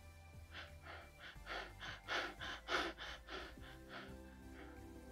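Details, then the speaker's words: Quiz case of an unconscious heavy smoker (30 pack-years) with poor adherence to hypertension medication, sudden severe chest and abdominal pain, suggestive of myocardial infarction: Cheyne-Stokes breathing, apnea then rapid breaths gradually building up and fading between quiet pauses. "the scenario is strongly suggestive of myocardial infarction and of course we know that chain stocks pattern is associated with myocardial infarction in fact any cardiac injuries can cause this and indeed we see the patient displaying apnea followed by gradual increase then gradual decrease of breathing"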